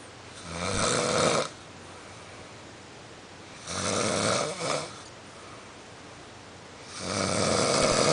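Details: A man who had been drinking a little, snoring loudly in his sleep: three loud, rough inhaled snores a few seconds apart with quiet between, about 18 breaths a minute.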